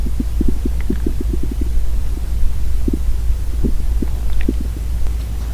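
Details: Deep, real belly rumbles from a girl's hungry stomach, with no talking: borborygmi (stomach growling).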